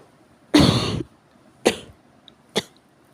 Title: 咳が酷 severe cough